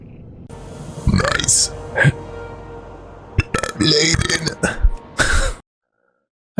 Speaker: Okay, here comes another burp. A big ass burp.